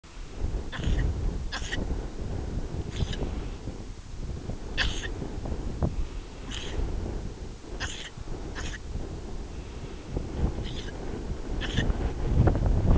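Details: Young sheep on the hills of Dorset sneezing for about five minutes: about nine sharp sneezes or snorts in quick succession over steady wind noise.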